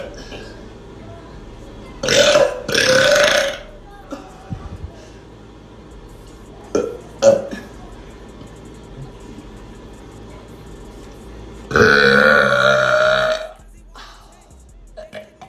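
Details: Female voluntary burping: three loud, drawn-out belches with a few small sounds between them.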